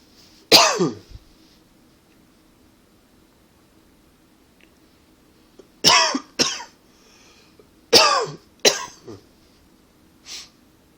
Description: Not really a coughing fit per say...just a tickle that wouldn't go away. Allergies for sure. OK and a little from smoking too :)